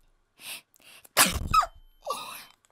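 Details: A few soft breathy intakes build up to one sharp explosive sneeze, followed by a brief vocal trailing sound, during a live stream.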